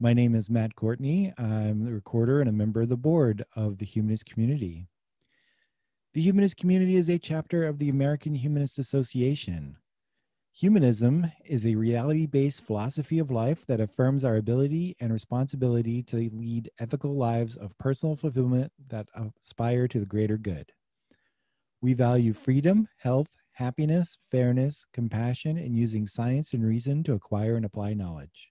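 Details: Adult male speaker; normal fluent speech.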